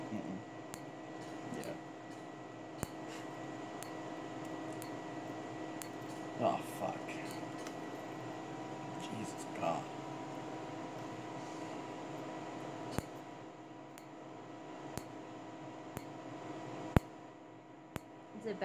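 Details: Tattoo removal laser without numbing cream, patient asking about pain: sharp, evenly spaced snapping clicks over steady room hum as the laser fires pulse by pulse.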